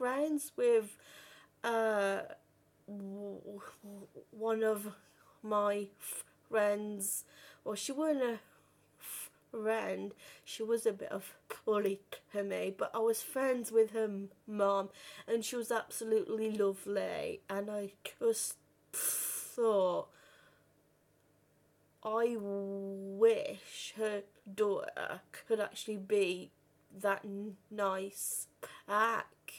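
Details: Adult woman who has stammered since about age five or six; stammering.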